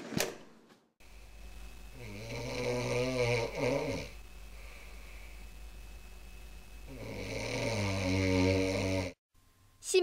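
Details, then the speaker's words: Heavy snoring in a woman in her 30s observed at a sleep clinic, who then stops breathing for about 20 seconds; sleep apnea: loud, rough snoring on two long breaths in a quiet room. "코를 걸더니 갑자기 20초 가량 숨을 멈춥니다 수면 무호흡증 있니다"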